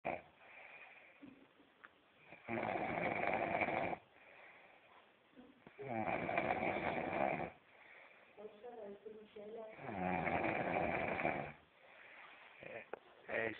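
Loud, rough snores on each breath in, about three in 13 seconds, with quieter breathing out between them: snoring.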